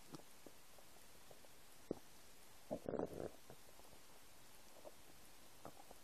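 Quiet gurgles and a brief burst of rumbling from an empty stomach, ordinary bowel sounds.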